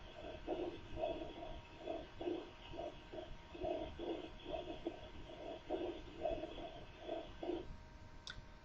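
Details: Patient whispering "33", heard through the chest wall as faint, muffled repeated bursts in which the words cannot be made out; normal whispered voice transmission.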